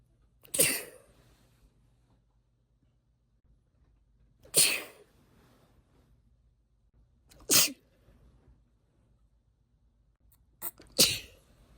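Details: Induced sneezes from a woman who says she habitually stifles sneezes and is not sneezy: four separate sharp, hissing sneezes in a quiet room.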